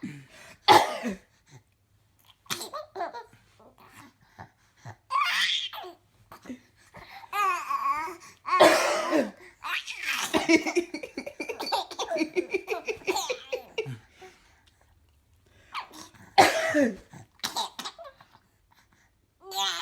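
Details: A few brief coughs from the mother mixed with twin babies' giggles and babbling as they laugh at her cough.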